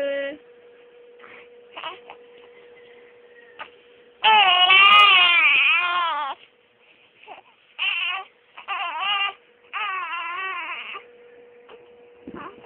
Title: The crying baby.3gp